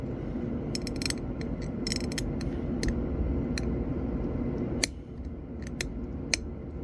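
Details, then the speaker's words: Bench-test class II disto-occlusal amalgam preparation on a maxillary first premolar: sharp hand cutting instrument used with forceful scraping motion and vertical cut to flatten the area, crisp irregular scraping clicks over low rumbling background. "so scraping motion and then vertical cut and I'm going to flatten this area"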